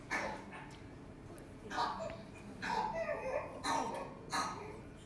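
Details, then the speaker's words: Young infant with pertussis struggling to breathe, making repeated strained, high-pitched loud inspiratory crowing gasps between coughing efforts: the characteristic inspiratory whoop. "that inspiratory loud is the whoop that you'll hear"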